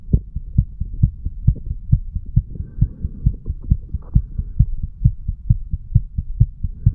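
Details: Heart sounds of a 35-year-old male recorded on himself while sick and detoxing, over the mitral area: steady, regular low heart thumps with a faint hum underneath.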